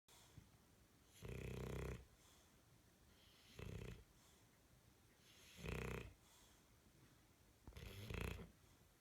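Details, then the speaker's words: Loud, low rattling snores on each in-breath from Bronson, a dog, about four in nine seconds, roughly 27 breaths a minute: snoring. "Bronson Bronson Bronson hello I see you are you snoring really loud brunton are you snoring really loud"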